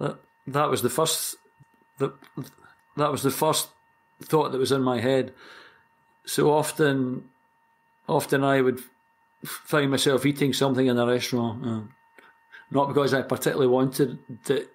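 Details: 60-year-old Scottish man who has stammered for as long as he can remember and completed the McGuire Program in 2004 at age 45; word and phrase repetitions are audible; stuttering.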